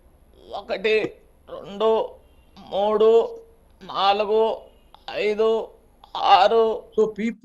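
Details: Spasmodic dysphonia, a central nervous system disorder; a typical case.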